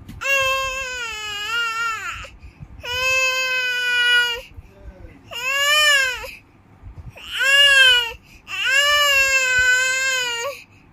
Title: shouting child | crying infant | loud voice